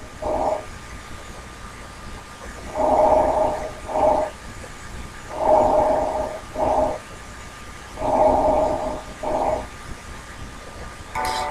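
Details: Vesicular breath sounds, a normal breath sound from a teaching recording of normal and abnormal lung sounds.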